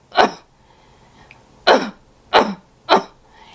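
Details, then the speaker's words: Simulated splinted cough demonstrated by a nurse who had COVID-19 pneumonia: she takes a deep abdominal breath, hugs a pillow against the abdomen to splint the chest wall, then gives four deliberate, forceful coughs to clear phlegm. "Put some strength in it to support your abdomen and to split your chest wall, because we're wanting to cough that stuff out. So deep breath, deep abdominal breath."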